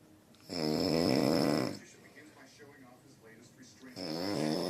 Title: Rhino snore